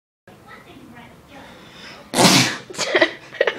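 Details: A quiet build-up of breathing, then one loud explosive sneeze followed by short exclamations, also shown in slow motion; sneezing.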